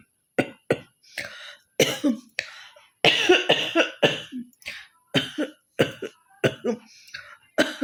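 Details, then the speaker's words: Rapid series of about thirty short, harsh coughs in clusters from a woman with a cough, performed deliberately for a cough-hawking challenge. "তো একটু ভালো কাশি কাশি হয়েছে, তো চলো ভাবলো কক চ্যালেঞ্জটা করাই যাক। তো হকিং কক চ্যালেঞ্জ করবো আজ।"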